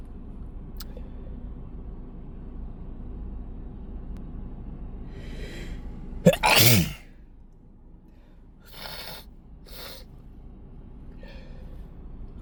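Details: Wet sneezing in a car after a long workday, with the nose irritated by dust and perfume: a sharp gasp, one forceful wet sneeze, then breathy exhales over steady engine hum.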